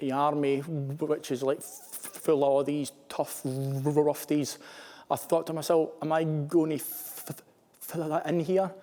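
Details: Male serviceman who stammers, speaking in an interview; stammering.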